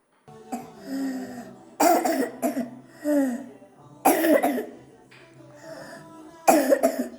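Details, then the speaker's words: A child's repeated wet, harsh coughs in clusters from viral tracheobronchitis, an infection of the windpipe and lower bronchi. "bu böyle hafif bir Tire Köyü bronşit dediğimiz nefes borusu ve aşağıdaki bronşların enfeksiyonu viral Bir öksürük"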